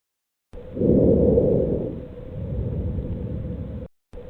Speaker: You are listening to vesicular breath sounds.